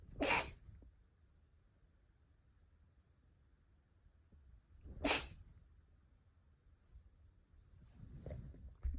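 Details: Two short, sharp sneezes about five seconds apart from a small animal, with quiet breathing and faint rustling between them.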